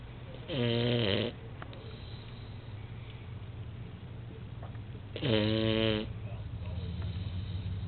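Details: Dog asleep, giving two loud, buzzing, vibrating snores about five seconds apart, roughly 13 breaths a minute, over a steady low room hum; snoring.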